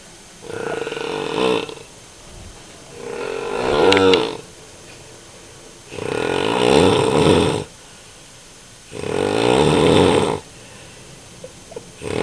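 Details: Father snoring heavily during sleep: loud, rough, rattling snores on each breath, about 20 a minute, with quiet gaps between them.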